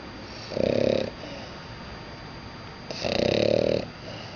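Two loud, buzzing snores about two seconds apart over a steady background hiss; ordinary snoring.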